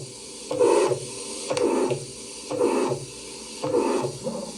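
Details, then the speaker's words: Regular heartbeats about 60 a minute, each with a soft blowing whoosh between the normal heart sounds; stethoscope demonstration of a heart murmur from turbulent blood flow. "Uno de ellos es el soplo cardíaco. Se produce por un flujo sanguíneo turbulento dentro del corazón o de los grandes vasos y puede escucharse como un sonido, como semejante a un soplido entre los ruidos normales."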